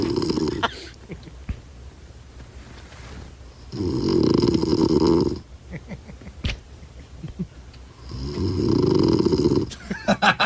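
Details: An adult man snoring in his sleep, recorded by his wife, who said it was loud and continuous enough to wake her.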